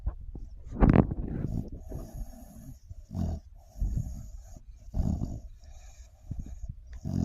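Low rumbling breaths repeating roughly every second or two from a sleeping dog; snoring.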